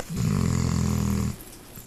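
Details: Dog Laika snoring in sleep: a single long, low, rumbling snore on the in-breath lasting about a second, then quiet.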